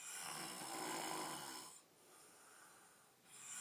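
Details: Adult man snoring after a few drinks: a long hissing, rasping breath fades, then a quieter airy breath; harsh, noisy snoring.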